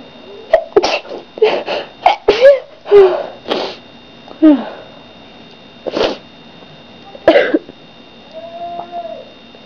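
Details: A run of about eight sharp sneezes close together, then quieter breaths; person reports frequent sneezing lately without knowing why.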